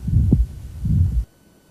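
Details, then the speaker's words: Aortic valve stenosis: harsh mid-systolic murmur heard above the clavicle, showing clear radiation there, unlike the little radiation heard at the apex. "we didn't hear much radiation out at the apex but here there's clear radiation above the clavicle"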